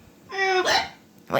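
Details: Acted hiccups in a comedy skit: a short voiced squeak breaks into an abrupt gulping 'hic', with another starting at the end.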